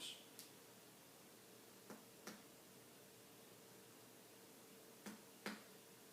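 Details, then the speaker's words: Sparse, faint, sharp taps, some in pairs, in a quiet room: indirect finger-on-finger percussion over all four abdominal quadrants of a female patient, with dullness in the left lower quadrant and overall normal findings. "now I'm going to percuss or tap again using the indirect percussion method over all four quadrants"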